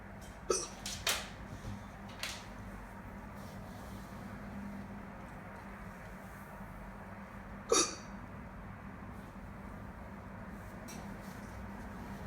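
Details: A few short, sharp hiccups, a cluster early then one louder one later, against a steady room hum; ordinary hiccups.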